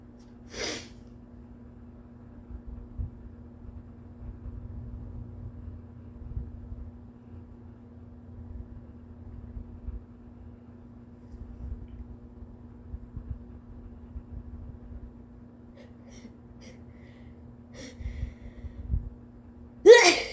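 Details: Two exhausted-sounding induced sneezes separated by quiet, with soft breathing and small sniffs before the second; the person's nose has been bothering them all day, with a sore throat, a bad headache and a stuffy nose, and they wonder if they are getting sick.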